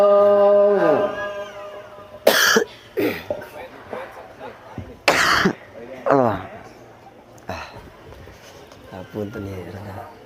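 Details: Quran reciter chanting tilawah while ill with a severe cough: recitation broken by two harsh, forceful coughs and throat clearing, then strained voicing; the cough could not be avoided during recitation.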